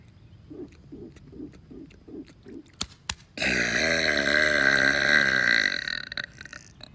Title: Pool Burps